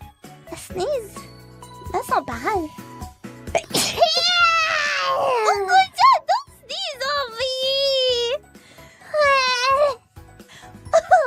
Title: Sneezes 647-648